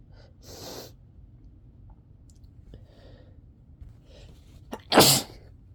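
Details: Loud explosive sneeze after quiet breathing, a soft hiss and a quick inhaled catch, during repeated sneezing; the person says they began stifling sneezes partway through because they were sick of it.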